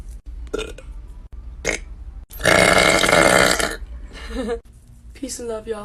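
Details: Girl burping: a long, loud belch with a few shorter burps and brief voice around it, against faint background music.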